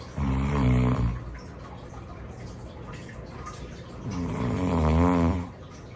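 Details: Two loud, deep, rattling snores about four seconds apart with a quieter breath between, from a person in a real, unplanned daytime nap; recording includes heavy breathing and sleep apnea pauses.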